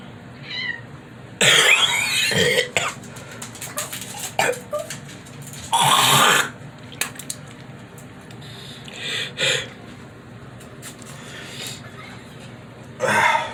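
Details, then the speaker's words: Adult with COVID-19, five days after testing, breathing fine but chest getting a little tight: several harsh, wet coughs and throat-clearing bringing up sputum as thick as paste; productive cough. "everybody talks about the lungs and right now my breathing is fine but i'm coughing up some very bad stuff this is gross but i just want to let everybody see what i'm dealing with here"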